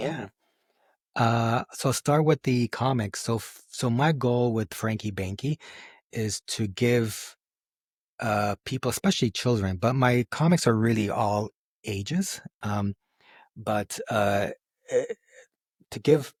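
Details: Adult man who has stuttered since age 4, lets his stutter happen openly rather than hiding it, and says it goes up and down; stuttering.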